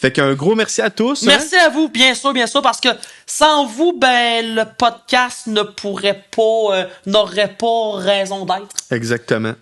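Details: Adult male who stutters and uses his own strategies to control it; French speech; stuttering.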